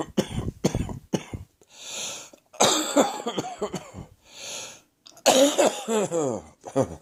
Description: This cough is definitely heading for my chest. Stand by for some more chesty recordings.